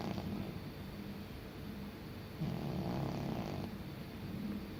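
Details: Senior cat sleeping: soft, low rhythmic rattling breaths against steady background noise; gentle, harmless snoring.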